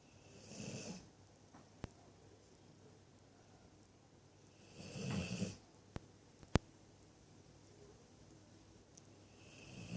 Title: snoring 22.04.16